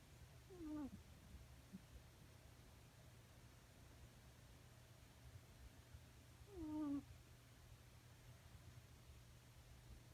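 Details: Domestic cat snoring in its sleep: two brief, squeaky, tonal snore sounds about six seconds apart over a steady low background hum.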